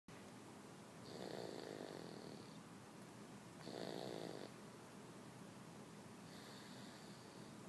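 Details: Two loud snoring breaths about two and a half seconds apart, a third starting at the end, with steady room hiss between: ordinary snoring.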